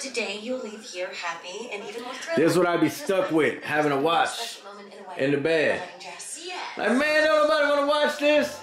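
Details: Adult speakers, possibly with television audio; ordinary speech.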